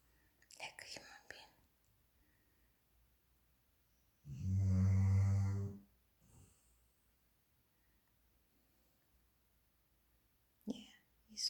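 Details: One long, deep, rattling snore of about a second and a half, with soft whispered talk around it, from a sleeping, dreaming dog; snoring.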